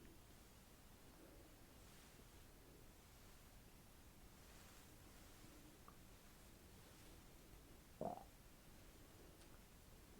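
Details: Soft, low gurgling and rumbling from an adult's stomach in an ASMR cranial nerve exam roleplay, with one louder gurgle; hunger rumbling before lunch.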